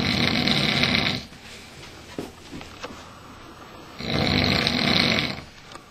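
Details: Dad snoring while sleeping on a couch.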